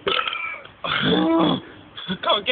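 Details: Deliberate burping contest: three loud, drawn-out voiced belches in quick succession with brief gaps between.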